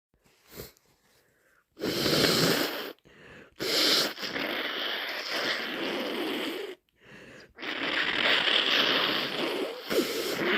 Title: Loaded with a cold - Induced sneezes and snotty blows